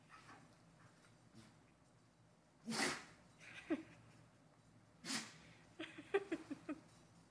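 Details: Dog sneezing while playing: two sharp, short sneezes followed by soft snorts and snuffles over low room noise.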